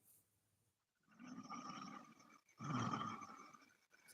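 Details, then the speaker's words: Sleeping child snoring at midnight during a livestream: two rough, rattling breaths in a row, each over a second long. "బంగారం పడుకునిపోయారు live on చేసి గొడవలేదు గురక live కి స్వాగతం"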